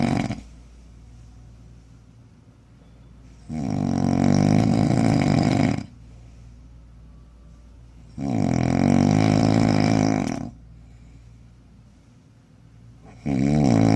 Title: pag ikaw ba makakatabi nito makakatulog ka kaya' #shorts #snoring